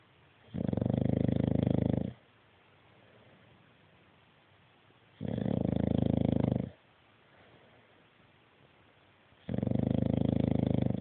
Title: Tiko snoring